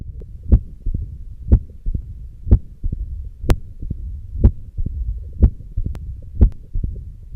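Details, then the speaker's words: Mitral stenosis heard on auscultation: regular heartbeat near 61 a minute with a loud first heart sound and a low rumbling murmur between beats. "the cardinal features in isolated mitral stenosis include low or normal volume pulse which can be irregularly irregular when it is complicated with atrial fibrillation"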